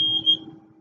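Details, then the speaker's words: Dräger Evita XL mechanical ventilator switched on at its rear power switch: repeated high-pitched electronic start-up alarm beeps, expected before the machine's test mode is run. "the actual on switch is in the back so that it can't accidentally be turned off that would be terrible and when it starts out there's gonna be a lot of beeping it's"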